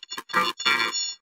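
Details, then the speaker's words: Simulation of poor sound quality as perceived through a cochlear implant. The sentence "I like to play tennis" sounds buzzy and synthetic with blurred words. "Poor sound quality to my ear sounds like"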